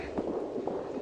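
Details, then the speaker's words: Simulated maternal heartbeat as heard from inside the womb, played in a talk: muffled, soft rhythmic thumps in a dull whooshing background. "do you think that is it's the heartbeat that's right and sometimes you can hear your mother's voice"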